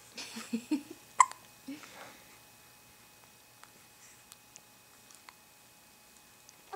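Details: A 2-week-old baby girl, awake, with small, quiet, squeaky "mousey" catches and soft baby sounds early on, then mostly quiet with faint clicks; infant hiccups.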